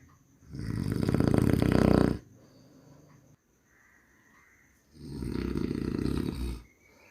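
Two loud, rattling, vibrating snores on breathing in, separated by quiet exhalation; heavy sleep snoring.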